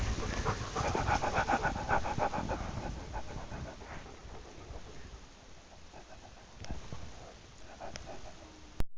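Rapid, steady dog panting at about 220 breaths a minute, fading toward the end.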